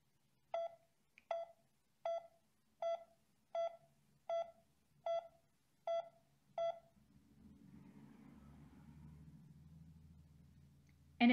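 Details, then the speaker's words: Pulse oximeter tone modulation demonstrated for SpO2 of 100%: steady, high-pitched monitor beeps at about 80 a minute, higher SpO2 giving a higher tone. "changing tones with changing spo2 is called tone modulation it sounds like this for an spo2 of 100 percent"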